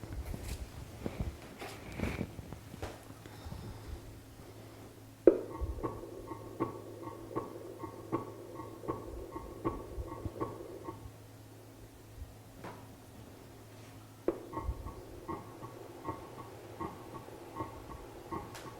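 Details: Simulated normal heart sounds from the auscultation speaker of a GERi/KERi manikin, regular at about 80 a minute over a steady hum with a brief pause.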